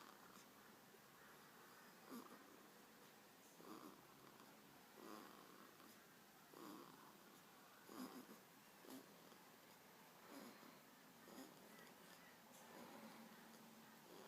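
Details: One-week-old baby girl asleep, making soft, rapid noisy breaths with light squeaky snoring sounds, about 43 a minute, getting louder toward the end; a parent remarks that it is not snoring; infant snoring.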